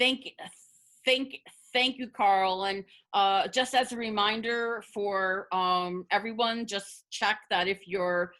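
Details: Adult woman who identifies as a person who stutters, speaking spontaneously as a webinar panelist, with word and part-word repetitions; stuttering.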